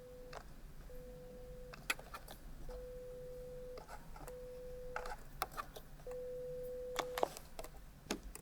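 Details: Right ear, low frequencies (125, 250, 500 Hz), repeated at 20 then 25 dB in a binaural ASMR hearing-test role-play: five steady one-second mid-pitched beeps with soft clicks and quiet room noise; pure-tone audiometry test tones.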